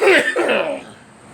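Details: Two quick, harsh cough bursts fading into brief throat-clearing, amid talk of smoking flavored cigarettes and cigars: cough.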